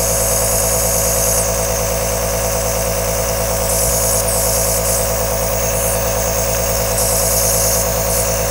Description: Enjoy 10 hour aerosol nebulizer sound.